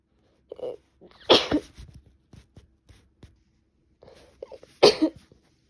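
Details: Sneezing with a cold, female: two sharp sneezes, each with a quick intake before a loud explosive burst, in a quiet small room.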